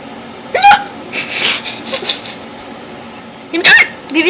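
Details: Two sharp, high, squeaky gulping hiccups about three seconds apart, with laughter and murmuring between them; breath-holding and water later tried, after which hiccups stopped: unusual hiccups.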